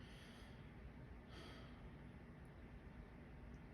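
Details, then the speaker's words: Normal breath sounds auscultated with a stethoscope on the back during repeated deep breaths on command: soft, quiet breath sounds with no adventitious crackles or wheeze. "We are going to auscultate lung sounds and listen for any adventitious sounds."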